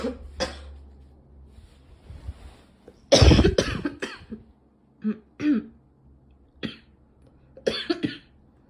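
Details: A burst of several coughs followed by single short coughs and throat clearing in a quiet room; a girl coughing.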